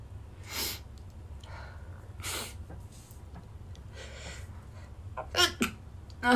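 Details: Several soft, stifled sneezes, each a short burst of air through the nose and mouth, with quiet room noise between them; the sneezer blames an allergy.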